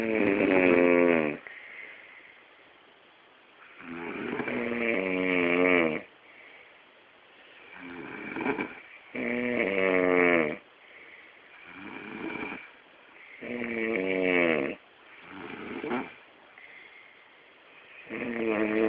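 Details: Father snoring during sleep, recorded so he can hear himself: loud, rattling snores on each breath, about 13 a minute, with quieter breathing between; steady snoring.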